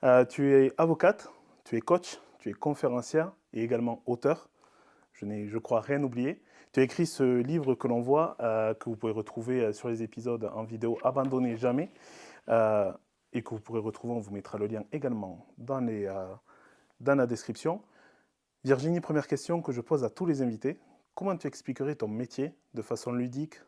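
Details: Adult male speaker; typical speech.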